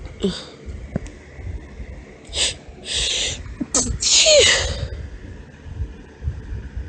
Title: Girly High-Pitched Sneezes with some Hitching! (F)